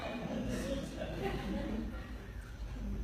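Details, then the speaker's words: An adult imitates stertor, a low, rough snoring noise from soft tissue collapsing in the back of the throat, in a talk on airway problems in children with trisomy 18. "Or so when you hear that sound, that's just called stertor. And when stertor is occurring, that normally means there's soft tissue somewhere that's collapsing in the back of the throat."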